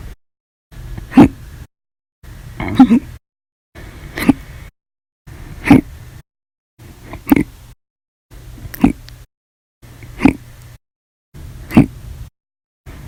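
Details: Repeated hiccups after meals (breakfast, lunch, dinner), described as violent, loud, silent and minute, audio only: nine sharp, abrupt gulping hiccups about every 1.5 seconds, roughly forty a minute, in a quiet room.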